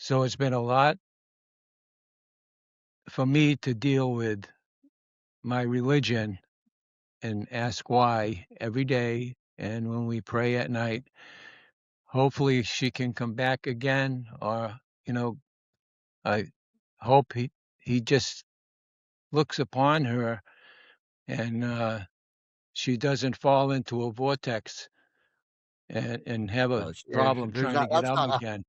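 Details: Adult female former educator of 30 years with expressive (Broca's) aphasia, diagnosed after transient ischemic attacks that followed atrial fibrillation and cardioversion; real patient in recovery.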